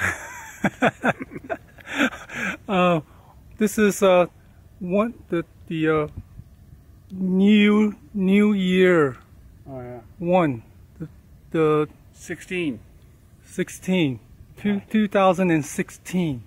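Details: Vlogger with aphasia after a stroke, speaking in their own daily-life vlog; aphasia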